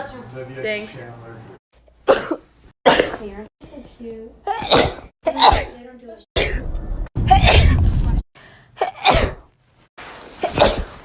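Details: Run of about eight forceful sneezes, some with short gasping in-breaths and voiced tails, in a small room.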